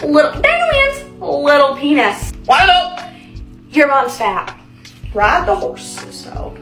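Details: Young woman diagnosed with Tourette syndrome at the Mayo Clinic at age 18, now 19; clip from a compilation tracing her tic progression, with repetitive phrases and music in the background; Tourette syndrome vocal tics (coprolalia).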